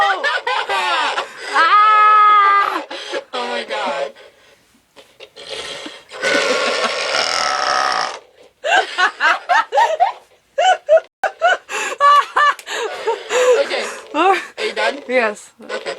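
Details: Woman wearing a voice-changing mask with a microphone does a deliberate, drawn-out, rough, croaking loud belch, followed by laughter and excited voices.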